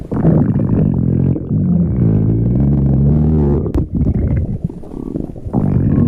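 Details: Cat's stomach growl: low, drawn-out gurgling rumbles from the belly, ordinary borborygmi.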